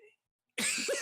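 Brief silence, then a single harsh cough in a small room.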